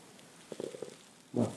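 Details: A person's stomach growling (borborygmi): a brief low gurgling rumble with a few bubbly pops, then a louder swell.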